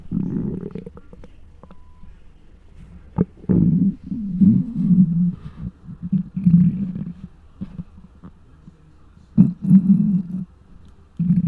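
Loud, low gurgling and rumbling bursts, uneven in length and spacing, from the belly: hunger bowel sounds, a normal finding.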